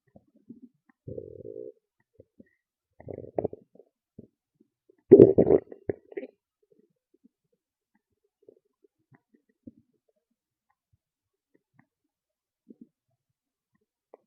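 A few loud gurgling, rumbling stomach growls separated by quiet stretches; ordinary bowel sounds.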